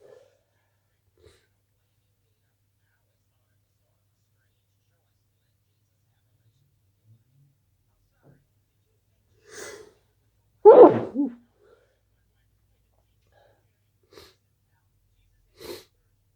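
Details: A quiet indrawn breath, then one sharp, explosive sneeze followed by a few soft breaths, in a quiet room.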